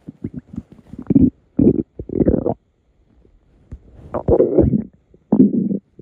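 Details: Adult male's gurgling, bubbling stomach rumbles in irregular bursts at night, from an empty, hungry stomach; borborygmi.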